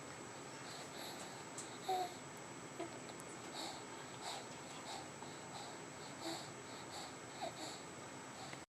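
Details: Baby girl recovering from bilateral vocal cord paralysis, who also had stridor, laryngomalacia and reflux and was fed by J-tube/MIC-KEY button, began vocalizing after a couple of months; infant vocalizations during recovery from vocal cord paralysis.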